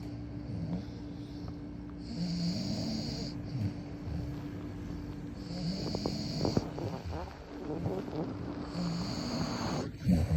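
Low rattling snores, about five over ten seconds, with faint background noise.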